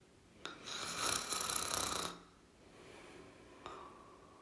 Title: Snoring sounds (1 Hour)